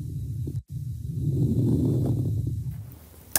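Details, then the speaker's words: Stethoscope lung sounds: fine popping crackles over a low breath noise, from fluid-filled alveoli collapsing on expiration and popping open on inspiration, in inflammatory lung disease such as pneumonia or bronchiolitis: crackles. "the crackling is essentially the Airways the aviolis have been filled with fluid and they close up in expiration so when you breathe out they collapse and then we breathe in they pop open and that's that crackling that we hear"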